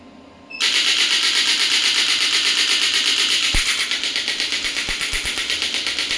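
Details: Electromagnetic clinical shockwave therapy device, handpiece firing, energy raised to 25 mJ at medium frequency: loud hissing rapid pulsing starting abruptly, roughly 160 pulses a minute; shockwave device firing.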